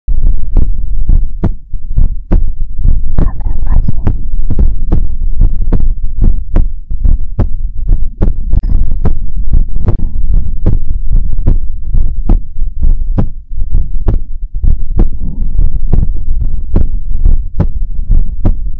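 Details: ASMR heartbeat recording: loud, steady, low thumps in a regular rhythm at roughly 80 a minute; a normal heartbeat.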